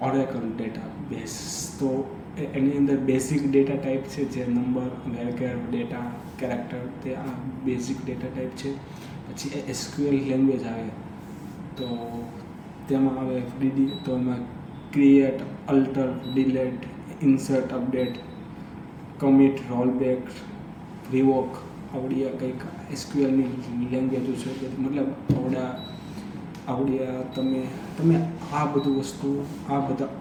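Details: Adult Hindi-speaking man who stammers, doing storytelling practice on day 30 of daily fluency practice (breathing, tongue twisters, storytelling); stuttering.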